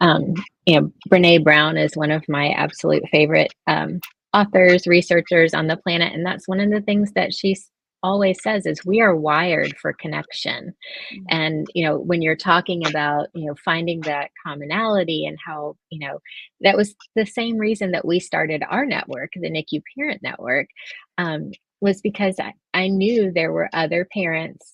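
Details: Adult speaker, panel conversation; normal speech.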